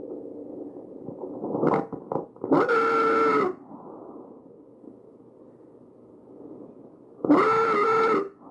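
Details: Tracheal stridor: two loud, harsh, steady-pitched whistling breaths about five seconds apart, with quieter breathing noise between them.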